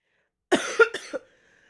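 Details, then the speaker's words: Adult, still sick with a cold for about a week, warning that talking too much brings a coughing fit: three quick harsh coughs in a short burst. "I'm fine. I'm fine. But if I talk too much, I'm going to have a coughing fit."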